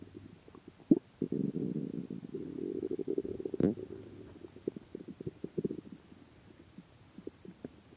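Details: Stomach growling after 76 hours of fasting: long, low gurgling rumble with bubbling pops fading into scattered smaller gurgles; borborygmi of an empty stomach.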